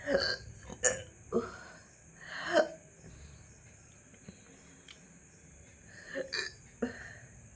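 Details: Several short, abrupt gulping catches, some burp-like, separated by quiet pauses; hiccups that began suddenly after eating a large luchi, with a gurgling feeling in the throat.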